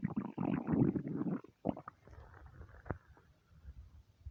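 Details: Stomach rumbling (borborygmi) from hunger: a burst of low bubbling rumbles that fades into softer gurgles.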